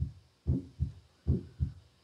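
Steady paired lub-dub heart sounds at about 75 beats a minute, a normal heart rhythm.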